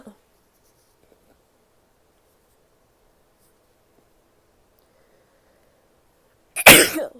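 A long quiet stretch, then one sharp, explosive sneeze at the end.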